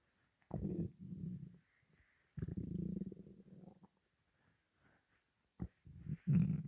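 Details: Morning hunger: several low, drawn-out rumbling stomach growls separated by quiet pauses; ordinary hunger growling.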